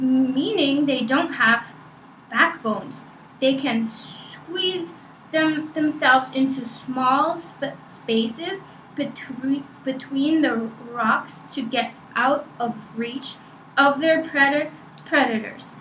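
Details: Reading aloud in a stuttering assessment; word repetitions; stuttering.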